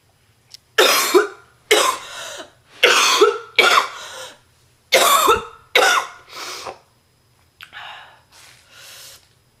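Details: Real, not acted, cough of a sick female heavy smoker whose cough became extremely bad: repeated harsh, deep, rattly, painful coughing fits, seven strong coughs then weaker ones.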